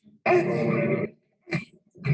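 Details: Child with short, voiced grunts at the end of each breath out, played at a pediatric emergency medicine conference as a not-good sound that can be missed during crying; expiratory grunting, a serious sign of respiratory distress.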